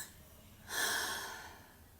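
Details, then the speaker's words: A single deep, airy breath swells up after quiet and slowly fades: a normal physiological sleep sigh in a sleeping child, expanding the alveoli. "esto expande los alvéolos y hace que se regule el volumen residual eso es normal es adecuado es fisiológico"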